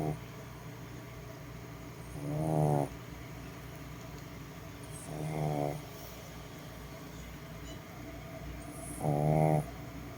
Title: do your pug snore like this too??